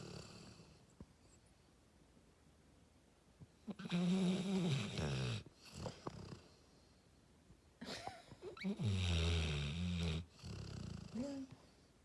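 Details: Very loud dog snoring: two rough snores with low rumbling flutter on each in-breath, separated by quiet pauses.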